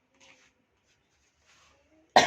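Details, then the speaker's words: Adult male patient, coached to breathe in, hold his breath and cough on the count of three, gives one sharp forceful cough after quiet voices: voluntary effective cough technique. "hitung sampai 3 Bapak tahan nafas dulu terus yang ketiga langsung Bapak batukan keluarkan di sini ya"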